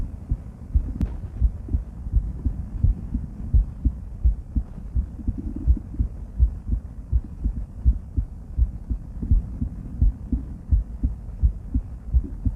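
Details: Female heart auscultated with different stethoscopes at Erb's point, mitral, tricuspid, aortic and pulmonic areas: steady regular lub-dub about 80 a minute, faint handling noise; normal heart sounds.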